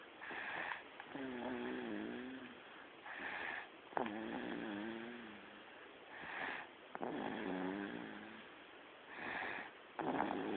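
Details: Baby girl snoring while sleeping: repeated snoring breaths, about 20 a minute, with a rough, fluttering tone on each breath in.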